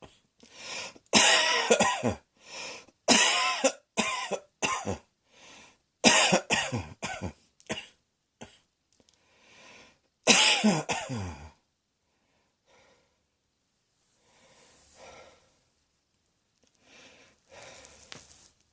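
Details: Adult giving a long run of acted, harsh, dry-sounding coughs in quick bursts, then falling mostly quiet; cough.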